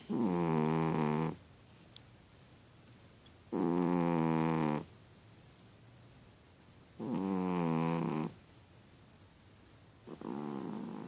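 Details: Cat deeply asleep, snoring loudly like a pig: buzzy snores on each breath, about 17 a minute, with quiet gaps between them.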